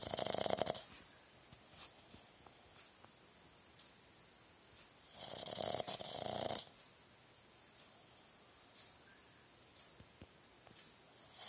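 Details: Boston terrier snoring: two loud, hissing, rattly snores about five seconds apart, with quiet breathing between.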